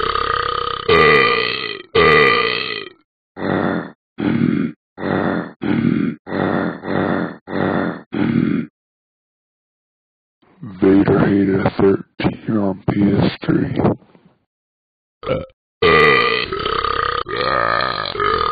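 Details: Simulated burping from the Talking Ben the Dog app on iPhone/iPad: about fifteen loud, voiced belches, some drawn out, some short and rapid, with a pause midway; repeated burping.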